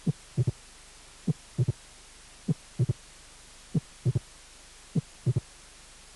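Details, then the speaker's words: Late mitral opening snap, 10 hundredths of a second after the second heart sound, from a cardiac auscultation teaching course. "castillo de apertura mitral tardío a 10 centésimas de segundo del segundo ruido"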